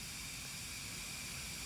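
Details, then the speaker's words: Tracheostomy suctioning skill demonstration: after three to five Ambu bag breaths, catheter inserted and suction applied intermittently on withdrawal for no more than five to ten seconds, then oxygen restored; pulse oximetry or rhythm strip monitored. "suction intermittently on the way out no more than five to ten seconds give him his oxygen back"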